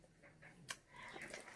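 Faint snuffly, snorting breath noises from a flat-faced dog in a quiet room.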